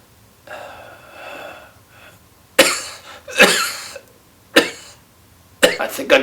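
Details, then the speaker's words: Respiratory therapy technique: big inhale held to let mucus collect, then a long, soft, slightly voiced exhale and about five sharp, wet coughs with rattly tails from the abdomen, clearing phlegm; productive cough. "so that when I do the cough the big exhale then I can cough it it out so you'll see me get my air I'm letting that mucus collect and then I do the big cough"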